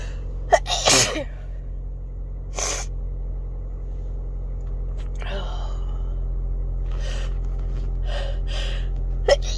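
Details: Person in a car, two sharp explosive sneezes over steady car rumble, then quieter breaths and sniffs; sneezing.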